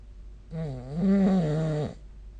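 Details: Snoring recorded with the SnoreLab app: a single loud, rumbling, voiced snore lasting about 1.5 seconds, with a low steady buzz through it.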